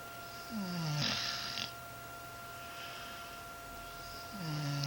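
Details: Two rough, low snoring breaths separated by a quiet pause, steady tone in room background; ordinary snoring.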